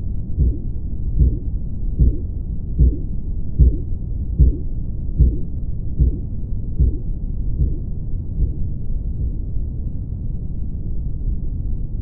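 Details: Schematic blood pressure measurement demonstration: regular low tapping Korotkoff sounds at about 75 per minute fade out after several beats, used to determine systolic and diastolic pressure.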